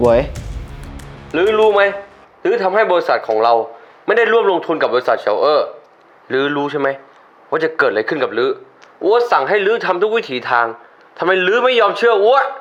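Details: Adult male actor; normal speech.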